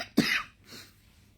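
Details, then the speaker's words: Single short, sharp cough with a faint breath afterward, recorded in bed by an adult having nightly coughing fits for several nights, who first suspected lung irritation from dust from electric heating; isolated cough. "It's like that I always get really bad coughing fits. But again, that's because of the electronic torture."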